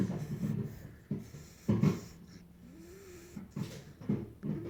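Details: Sleeping bulldog puppy napping: low rattling snorts with a wheezy whistle on the breaths; snoring.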